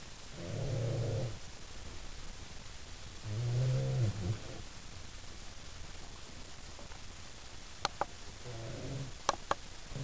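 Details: Baby (little brother) snoring during sleep: three low, buzzy snores on in-breaths a few seconds apart, with faint clicks between.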